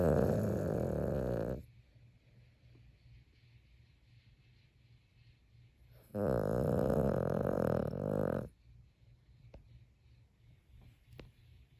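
Two long, loud, rattling snores on the breath, separated by quiet breathing, typical of snoring.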